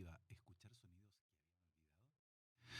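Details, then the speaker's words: Simulated hearing loss: a man's Spanish speech starts clearly, then turns faint and muffled, demonstrating how speech sounds to people with hearing loss in a segment about hearing aids. "y así es la vida para muchas personas con pérdida auditiva"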